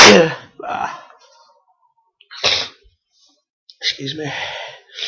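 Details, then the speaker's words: Adult with a cold, cough and flu: a run of several sneezes with sharp, breathy gasping inhalations between them; faint room noise. "So, I haven't been able to uh record anything for quite some time, but I've come down with a nice dose of cold slash cough slashman flu."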